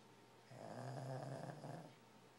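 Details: A single low, fluttering snore on one breath in a quiet room; snoring.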